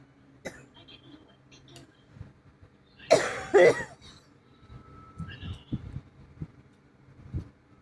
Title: not feeling well 😔 i have a bad cough my chest hurts from coughing my ribs hurts from coughing 😔